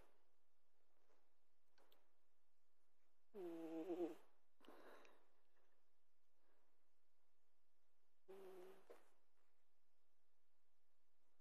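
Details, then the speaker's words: Sleeping pet, described both as a kitty and as a puppy, snoring: three low, rough snoring breaths with quiet pauses between them. "Are you done snoring, puppy?"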